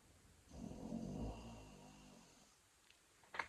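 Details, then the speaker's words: A big, beefy pet dog sound asleep in the background: one long, low, rumbling snore with a faint click at the end. "So that our big beefy dog is snoring, and he's getting some sound sleep. So you may hear that in the background."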